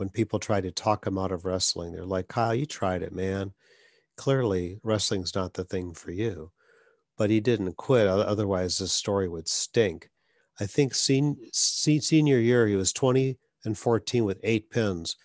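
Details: Adult man speaking; ordinary speech.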